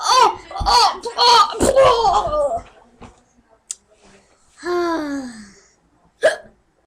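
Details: A boy with persistent hiccups, after trying to cure them by standing on his head and holding his breath, makes sharp, abrupt hiccup-like catches of breath between laughing voices.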